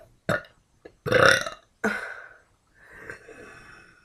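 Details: A woman burping: a run of croaky burps, four or five in four seconds, the last one drawn out and softer.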